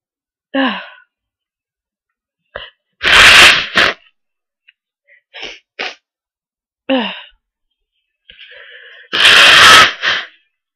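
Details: Person blowing their nose with stubborn sneezes; sneeze.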